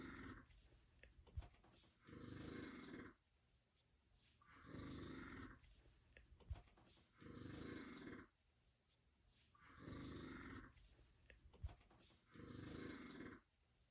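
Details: Slow, regular rattling snores on each breath in, about five in fourteen seconds, with quiet pauses between; ordinary snoring.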